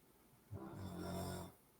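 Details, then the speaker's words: A very small dog snoring loudly during a talk on animal-assisted intervention; the speaker remarks how loud it is for such a small animal. "je sais pas si vous entendez mais c'est terrible comment il Ron fort une très petite bête ronflé aussi fort que ça c'est quand même spécial"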